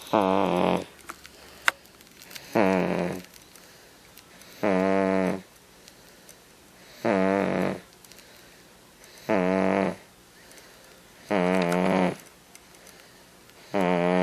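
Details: Five-month-old infant snoring: regular rattling snores with each breath in, about seven in fourteen seconds, separated by quiet exhalations.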